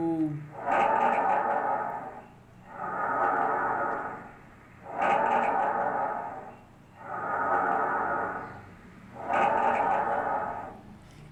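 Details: Tracheal (bronchial) breath sounds.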